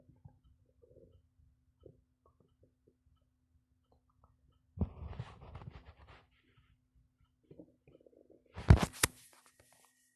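Low gurgling and rumbling bursts from the abdomen, active stomach growling from normal gut movement.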